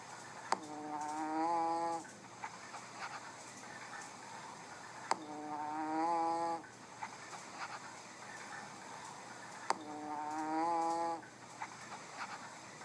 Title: Vacuums loving cat who snores .